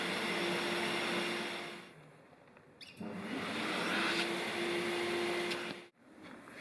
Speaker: Open the suction function of the suction hoses via slide or rotary knob.